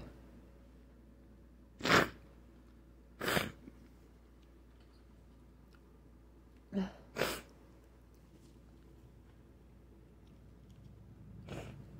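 Four sharp explosive sneezes in quick succession over about twelve seconds, against quiet room noise: repeated sneezing.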